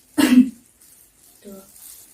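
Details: Nursing practical demonstration of deep breathing and effective cough technique: after deep breaths in through the nose and out through the mouth, a single strong, deliberate cough then a soft breath out to clear sputum.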